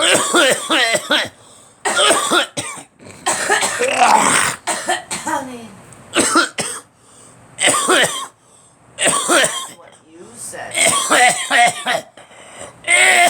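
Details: Repeated harsh cough bursts with throat clearing and brief voiced sounds, background talk in a small room; someone remarks the person has been out in the cold too much; cough.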